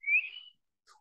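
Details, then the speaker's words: Vocal imitation of wheezing by an EMT respiratory-emergencies lecturer: brief high whistling tone representing air whistling through the bronchial tree; speaker notes it sounds more like stridor. "now that's coming from my throat but that's what it sounds like in here that's actually Strider which we'll talk about later but that's wheezing it's whistling through the bronchial tree that's all it is"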